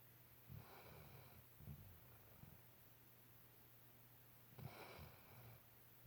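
Soft, low snorting breaths from a sleeping puppy, two gentle snore sounds over a few seconds against quiet room hum.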